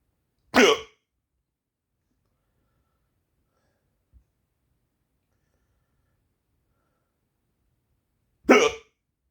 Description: i would sleep but i have the hiccups help 😅